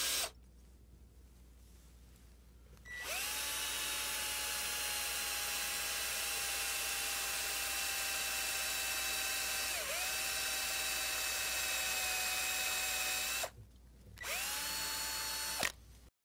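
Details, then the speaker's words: Surgical power drill with cannulated drill bit creating a canal along a wire at the fibular head on a saw bone, during Ilizarov/TrueLock frame application for uniplanar angular deformity correction; steady high-pitched whine about ten seconds, dip under load, short second run. "The next step is to create canal along this wire using cannulated drill bit."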